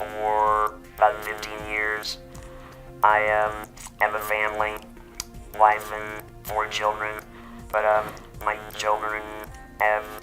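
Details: Electrolarynx speech from an adult man about 15 years after total laryngectomy, using an electronic device that replaces the vocal cords.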